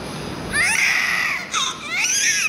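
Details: High-pitched newborn cry in two short bursts over a noisy room background, at a difficult birth after labour pain.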